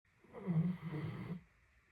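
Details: Female Great Dane snoring during a nap, snoring for a solid 30 minutes: one deep, low, fluttering snore of about a second.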